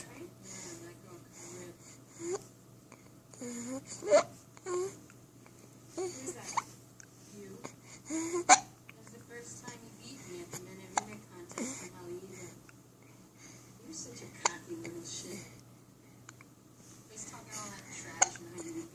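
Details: 6-week-old baby babbling and fussing, broken by sharp, abrupt gulping hiccups every few seconds; adult voices in background.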